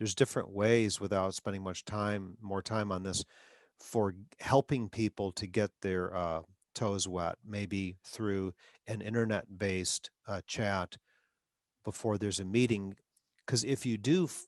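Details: Adult man who stutters, with frequent interjections such as 'um'; stuttering.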